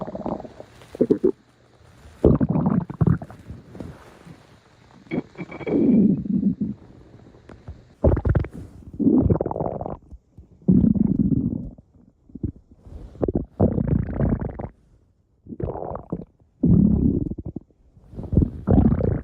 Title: Special Stomach Growl Video! (485 Subscriber Special)